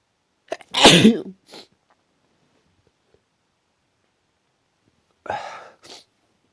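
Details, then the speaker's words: Repeated forceful, explosive sneezes in a quiet room: a sharp inhale, then a sneeze, a pause, then another; very strong sneezes the person says they cannot stop. "Can't stop. Fuck. Wish I could stop. So strong."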